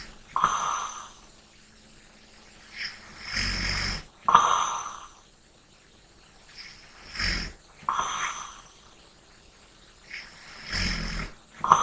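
Slow breathing with soft snorting snores and hissy exhalations, about four breaths in twelve seconds; light snoring during sleep.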